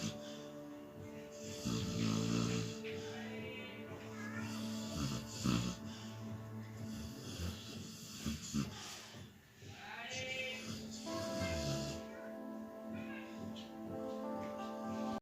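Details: Snoring dog: low rattling snores recurring like a human's, with background music.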